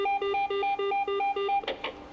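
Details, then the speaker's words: Resuscitation of a man with sudden cardiac arrest during sport: defibrillator pads on chest, rapid alternating two-pitch electronic beeping then two brief soft bursts as the AED alerts and delivers a shock. "Schock wurde abgegeben. Wie er dann tatsächlich geschossen hat, dann wusste ich, wir haben alles richtig gemacht, weil wir wussten, das ist wirklich der Herztod, der einen Lucky quasi heimgesucht hätte."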